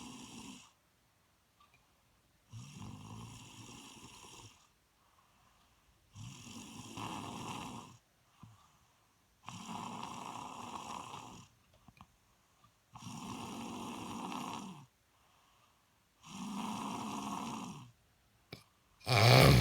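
Loud, regular rumbling snores, six breaths in about seventeen seconds, with silent gaps between; snoring during sleep.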